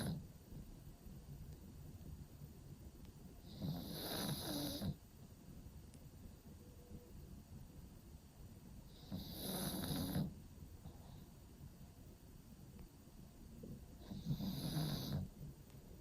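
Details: Pug sleeping in a cave-style pet bed, snoring: three slow, rumbling snores with airy hiss, about one every five seconds.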